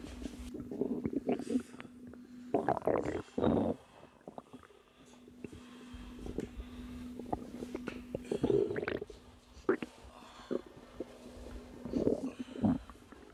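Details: Woman about 3 months pregnant, relaxing, who says she has felt uncomfortable but not in pain since noticing the pregnancy: long low gurgling rumbles with a steady humming tone and bubbly bursts; stomach growling from digestion.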